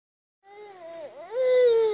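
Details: Baby's voiced wail that dips briefly, then rises into a louder, sustained cry while father talks about his sneezes; infant cry.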